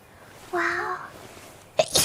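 A high-pitched, drawn-out voiced lead-in is followed by a sudden explosive burst of air, a typical sneeze.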